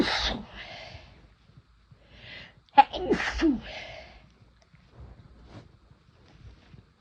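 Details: First-time use of chhinkni sneezing powder: a run of loud induced sneezes with gasping in-breaths.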